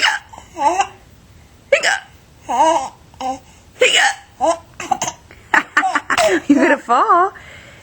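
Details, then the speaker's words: Mother hiccuping while laughing and talking to a baby: repeated short, sharp voiced gulps mixed with laughter and brief vocal sounds. "what's so funny mama has the hiccups"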